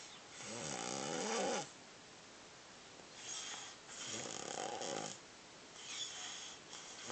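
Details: Snoring during sleep: loud, rough, rattling breathing sounds about 17 a minute, with quiet gaps between.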